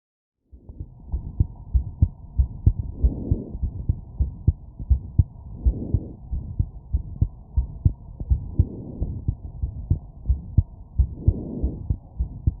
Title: Abnormal heart sound from wireless stethoscope